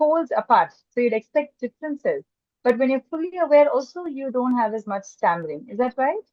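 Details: Adult woman speaking; typical speech.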